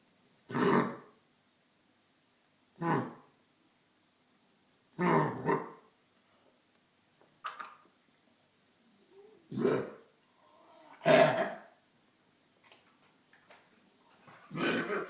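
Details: Labrador with kennel cough giving repeated harsh, honking coughs.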